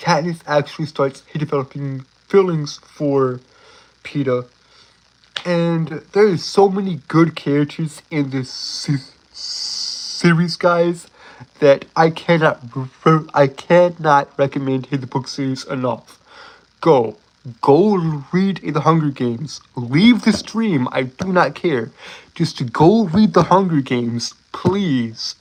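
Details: Stuttering in a male streamer who self-reports a speech impediment and stuttering; this stretch has repeated words and fillers; stuttering.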